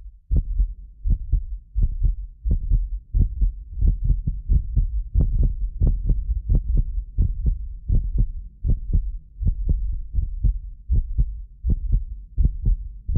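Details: Heartbeat of a medically fit adult recorded with multiple precision contact microphones: clear, regular two-part beat about 85 a minute; some beats doubled by recording overlap, not the heart. Normal heart sounds.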